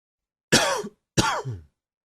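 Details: Two short, forceful coughs with a throaty finish, attributed to seasonal allergies from spring blooming; cough.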